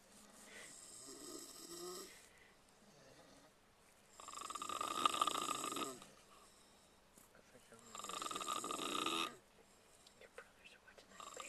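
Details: People sleeping on a tour bus, snoring: loud rattling noise on two breaths in about eleven seconds, with quieter breathing between.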